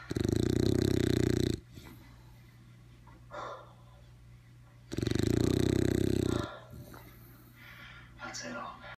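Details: Dog snoring while its eyes are open: loud, rumbling snores lasting over a second each, with quiet gaps between; snoring.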